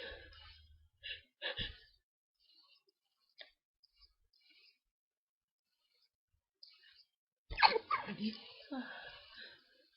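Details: Night-time hay fever sneezing that kept the person awake: soft sniffs and small sneezes, then a louder sneeze with a groan, in a quiet room, with complaints of an itchy, tickly nose; repeated allergic sneezing.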